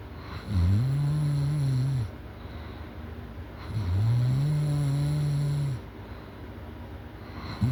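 Loud, deep, rattling snores on each breath in, about 17 a minute, with quieter breathing between them.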